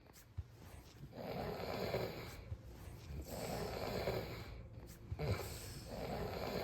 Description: Snoring sounds for sleep, uncopyrighted, free to use, made by me (recorded in my sleep)